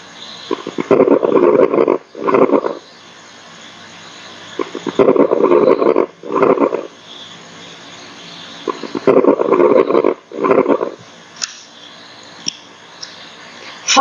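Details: Fine crackles: breath sounds at about 15 breaths a minute with brief, fine popping crackles during inspiration, likened to wood burning; played in a nursing lung-sounds lesson.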